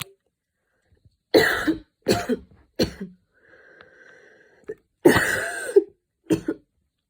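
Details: Student studying for an exam on a Saturday afternoon, standing and changing positions as the cough attack worsened from minor to intense; repeated harsh coughs in close bursts with a brief hum between; coughing fit.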